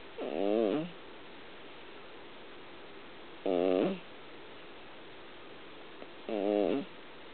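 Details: A brown American Shorthair cat sleeping and snoring very loudly, with a squeaky, wavering snore on each breath, about 20 a minute.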